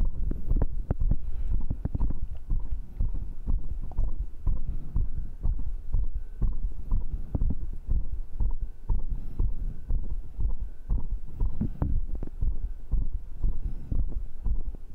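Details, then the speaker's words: Own heartbeat after the final workout round of dips, ab work, diagonal pull-ups and arm curls, measured rate 132: fast, steady heartbeat with a low hum; normal raised rate after exercise. "อัตราการเต้นของหัวใจคือ132ความสมบูรณ์แบบ!ตกลงฉันจะมอบหัวใจของฉันให้คุณเป็นครั้งสุดท้าย!ยอดเยี่ยมโทนสีสวยเสียงอันไพเราะ"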